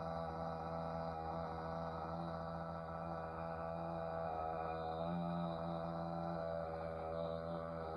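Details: Male patient in a bedside swallow evaluation for occasional acid reflux; first sustained 'ah' trial lasting 19 seconds, average slightly below typical for his age but not concerning, with good breath support and a mostly steady voice; maximum phonation time task.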